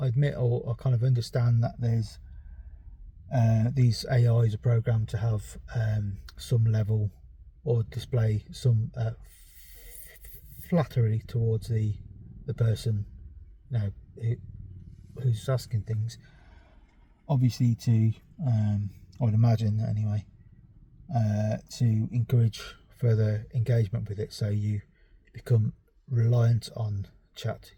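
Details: Adult male with ADHD and a self-reported stammer; stuttering.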